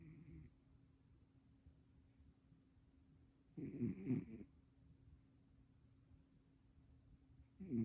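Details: A male, said to be cute, snoring: quiet steady breathing with a low rumbling snore burst every few seconds.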